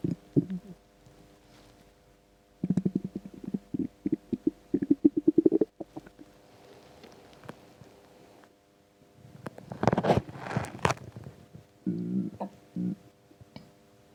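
Bursts of gurgling, bubbling rumbles with quiet gaps, from an empty stomach; ordinary bowel sounds.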